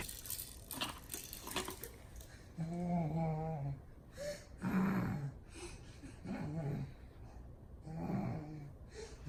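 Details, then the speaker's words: An infant girl with laryngomalacia breathing rapidly when excited, with a rough, vibrating, croaking noise on breathing in: inspiratory stridor. "so when it came in and she got excited and was breathing rapidly it sounded like they were vibrating and making a croaking sound"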